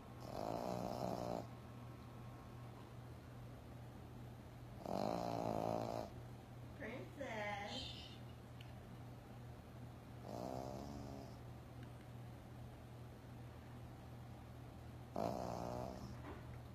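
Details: Snoring from a Yorkshire Terrier sleeping on a couch: rhythmic rattling snores roughly every five seconds over a steady background hum; ordinary snoring.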